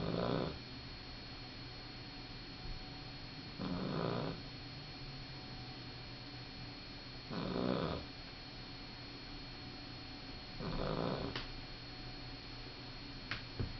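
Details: Sleeping male puppy snoring: soft, slow snores about 17 breaths per minute over a steady background hum.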